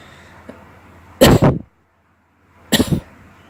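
Two short, explosive coughs separated by a brief pause, over faint room hum.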